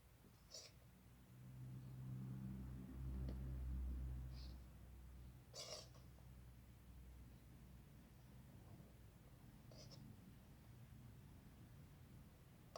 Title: Ginger female persian cat still has a cold and wants to sneeze